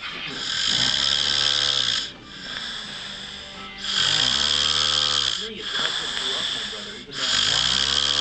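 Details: A man passed out asleep on a couch, snoring: loud, rough, rattling snores in long noisy bursts about every two seconds, with low droning tones underneath.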